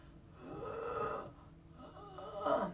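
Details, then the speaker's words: Noisy breaths with a thin whistling, musical edge on each phase: wheezing from airways narrowed by inflammation and mucus, characteristic of acute bronchitis. "the inflammation and mucus cause your airways to get narrow resulting the noisy wheezy breathing"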